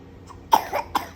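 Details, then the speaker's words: A young child gives a short burst of about three dry coughs in a quiet room; the child says the cough came from eating strawberry ice cream. "Aku batuk. Makan es krim strawberry."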